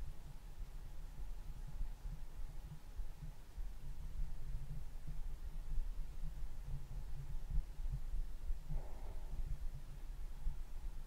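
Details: Soft, low, muffled thumps of an adult heartbeat repeating steadily under a faint hum and low rumble, recorded as ASMR; normal heartbeat.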